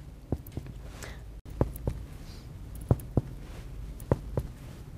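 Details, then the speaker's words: Chest percussion during an anaesthesia OSCE physical examination of a live subject: paired finger taps give hollow resonant notes throughout; resonant percussion note. "seems resonant throughout so why was the percussion note dull over that area I would expect this area to be dull because the liver is underneath"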